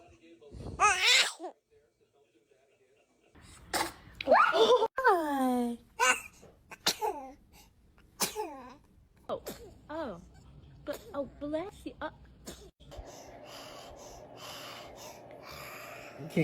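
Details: A sharp, sneeze-like burst from a baby, followed by adult voices saying "bless you" and laughing; an infant sneeze.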